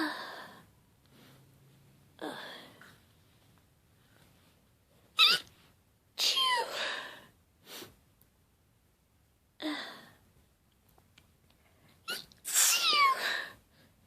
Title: Cold sneeze fit